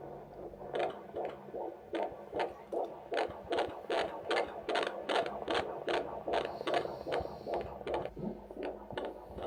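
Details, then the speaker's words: Fetal heartbeat on Doppler at a 25-week midwife appointment: rapid, regular whooshing at about 150 beats a minute, within the stated normal 110–160 range. "So the heart rate is much faster than ours. So a normal heart rate for a baby can be between 110 and 160."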